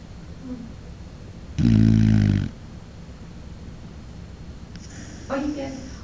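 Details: Dingo sleeping in a comfortable spot: one loud, buzzing snore, then a softer snort a few seconds later; snoring.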